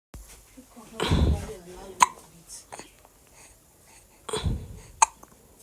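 Two sharp, abrupt hiccup sounds about three seconds apart, with soft infant breathing and small vocal noises between them: baby hiccups.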